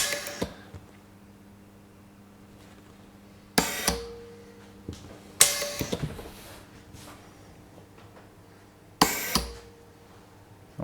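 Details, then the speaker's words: Early prototype Breezy V0.1 open-source ventilator, driven by a home compressor and ventilating an artificial lung, after tidal volume is lowered to 200: sharp valve clicks and short hisses about 17 times a minute, with a short inspiration cycle. "now we will see that really the volume being inspired this is lower or the inspiration cycle is very short"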